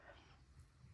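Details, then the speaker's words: Cleo, a dog, deep asleep behind the speaker, snoring: a faint, low rumbling snore heard quietly in the background of a still room. "um at the beginning if you can in the middle if you can hear snoring that is Cleo behind me snoring she is deep asleep"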